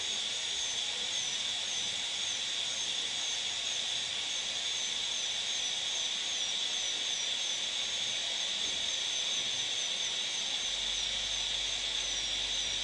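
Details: Steady high-pitched whine with a hiss of spray, unbroken throughout: a high-speed dental drill during tooth preparation for a PFM crown.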